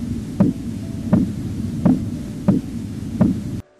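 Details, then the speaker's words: Five soft, regular low thumps at about 83 a minute: Korotkoff sounds returning after an auscultatory gap during non-invasive blood pressure measurement with a stethoscope. "Quest metodica è inoltre indicata se si dovesse auscultare con un fonendoscopio il cosiddetto Gap auscultatorio questo fenomeno consiste nella repentina scomparsa del primo tono di kotov dopo pochi battiti per poi ricomparire"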